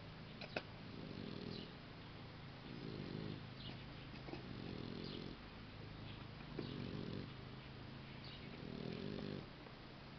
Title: Max the boxer puppy snoring